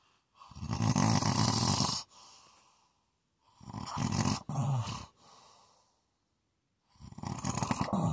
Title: ASMR snoring